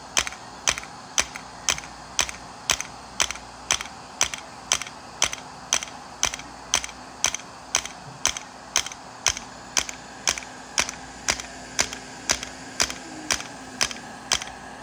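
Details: Sharp, evenly spaced clicks about once a second over a faint hum: integrative shockwave therapy at 3 Hz/90 mJ, 1,000 shocks, to the popliteal area for pain at the back of the knee.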